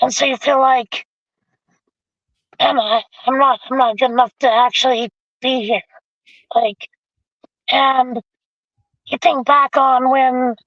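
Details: Adult man with vocal cord paralysis from a severe injury (lungs three-quarters full of blood); tracheostomy removed after 2 months; scope later still showed paralysed cords; over 25 years since onset.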